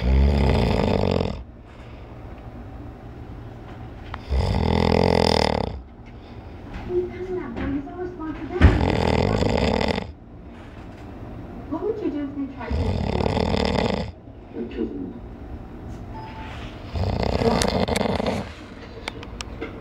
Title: My snoring brother